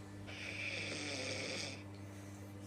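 One long, harsh, hissing-rattling snore over a steady low hum, exaggerated for a comedy sketch.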